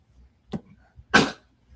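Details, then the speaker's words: Dog named Bob coughing with two harsh hacking bursts, a short one then a louder one, sounding like hacking up a hairball. "My dog literally sounds like he's hacking up a hairball. I was wondering, it's like, what is that sound?"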